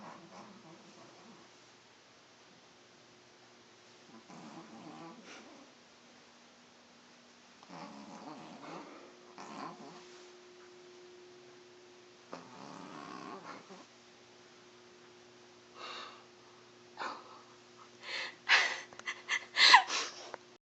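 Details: Snoring during sleep in a resting pet: repeated rough, raspy breathing noises about once a second over a steady background hum.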